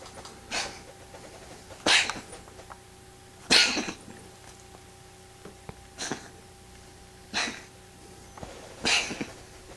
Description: This my little kitty, she has a strang sneezing she does when she wakes up from a nap. It looks like she is choking